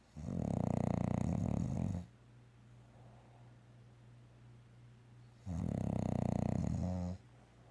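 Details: A bulldog, a flat-faced dog, snoring and dreaming during an afternoon nap: two long, deep, fluttering snores on breaths in, with a quiet stretch between.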